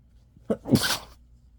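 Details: A single ordinary sneeze, a short catch of breath then a sharp hissing burst of air, from a recording that also includes nose blowing.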